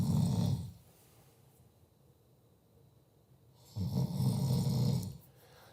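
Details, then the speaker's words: Recorded snoring sound from an online tester, played aloud at loud volume to test sleep headphones: loud, low, rattling snores on two in-breaths separated by a quiet pause on the out-breath. "as this snoring as you can hear I hear it just a little bit and that's that loud volume"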